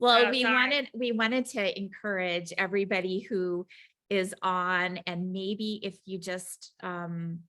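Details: Woman about 4 years after a 2019 ruptured brain aneurysm with intracranial and subarachnoid hemorrhages, initially unable to speak, 5 brain surgeries in 7 weeks; aphasia with apraxia of speech.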